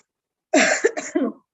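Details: A short adult cough, one strong explosive burst then two or three smaller voiced bursts in a quiet room, from a speaker recovering from an illness.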